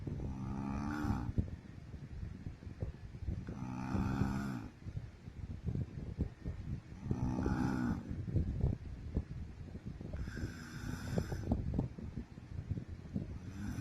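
Loud, rattling snores come with each breath, about every three seconds, roughly 18 a minute, over room noise: heavy snoring.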